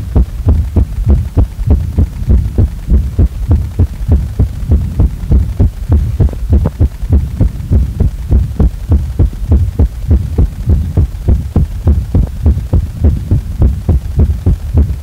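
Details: Heart sounds recorded after a day of feeling cornered: loud, regular, low thumps at about 100 beats a minute over a steady hum; a fast heartbeat with no specific abnormality identifiable.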